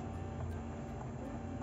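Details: Doopser 9 (DPS8039) electric breast pump being unboxed and demonstrated in massage mode while its levels are adjusted: a steady low motor hum with faint rhythmic pulsing; the breast pump motor running.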